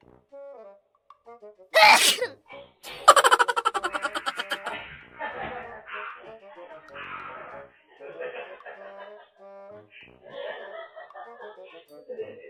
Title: cute sneeze 🤧 - Bless you bunso!